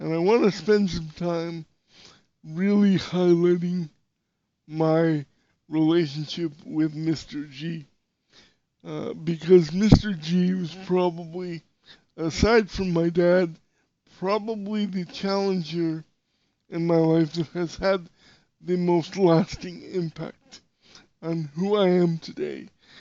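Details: Dysarthria in a podcast host with severe cerebral palsy, who says he sounded different when he spoke and would sometimes get really tense; real speech, not acted.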